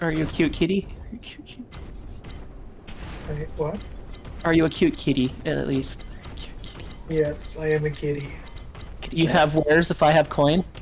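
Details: Speaker with echolalia who quietly repeats to themselves what others say, here apparently echoing a phrase another speaker just said; echolalia.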